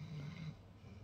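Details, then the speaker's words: Little Australian bull terrier dog snoring: a low, rumbling snore, one breath's worth, fading in the second half. "I don't know if you can hear my dog snoring little Australian bull terrier"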